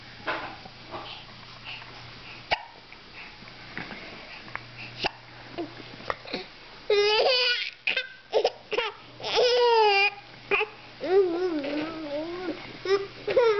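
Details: Infant hiccups that start during giggling: giggles and babbling mixed with short, sharp, repeated catches of breath, with faint room noise.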